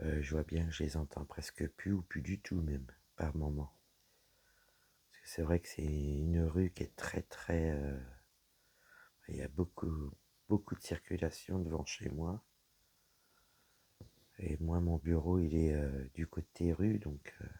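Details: Woman whose vocal cords were damaged by a serious health problem; she reports a deeper voice than before, at times little voice, inability to speak loudly, and a frog in her throat. Dysphonia with low-pitched, creaky voice.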